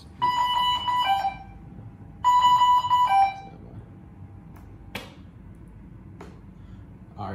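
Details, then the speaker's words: Dräger V500 mechanical ventilator set up on a test lung (simulated patient) with the circuit capped: two bursts of repeating electronic tones followed by clicks when ventilation starts; high-pressure alarm. "now the ventilator is ready for use is gonna alarm the high-pressure alarms no no cause I got the cap on it"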